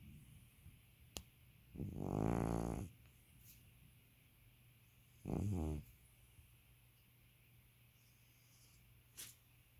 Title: Just an old geezer snoring